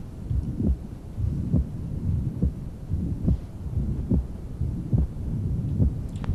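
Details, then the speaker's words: Paradoxical splitting of the second heart sound (S2). "one of the more common places that I see it is these little old ladies with severe systolic hypertension and that's paradoxical splitting"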